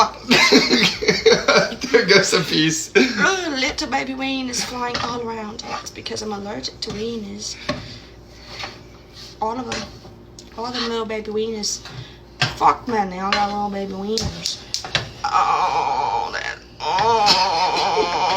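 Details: Person with Tourette syndrome with repetitive and obscene vocal tics: vocal tics with coprolalia (Tourette syndrome).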